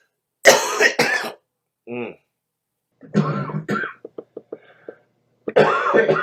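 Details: Short, harsh coughs and throat-clearing bursts, with a brief hum and small clicks between them, from a man who mentions being out of cigarettes; cough and throat clearing.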